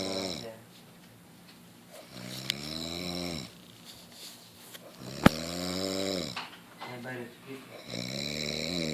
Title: Snoring like a boss